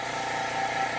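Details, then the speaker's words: Suction machine being tested, small bottle screwed in before switching on: continuous motor drone of the machine running normally. "to use this machine you need to screw the small bottle into this area so then when you turn it on"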